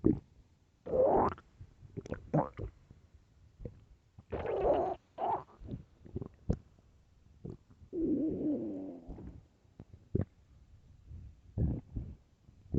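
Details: Loud hungry stomach growls: irregular gurgling and rumbling bursts from the abdomen, some drawn out, in a quiet room.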